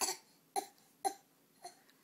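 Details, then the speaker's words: Voluntary cough from an 18-month-old boy, asked to cough after blowing kisses: four short, dry, deliberate coughs made on request. "Now blow a kiss. You're cute. Can you cough?"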